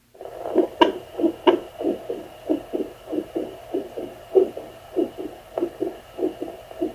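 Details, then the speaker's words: Non-pregnant woman's own pulse picked up through the abdomen on a home fetal Doppler: rhythmic whooshing at about 90 a minute, while the display shows much higher numbers that don't match the heartbeat. "this next part it will show some pretty high numbers on the Doppler but you can clearly hear that the heartbeat does not match the numbers"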